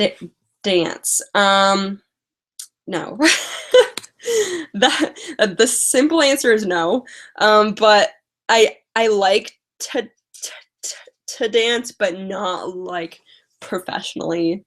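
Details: Woman with a stutter who uses strategies such as prolonging words and talking slowly; stuttering.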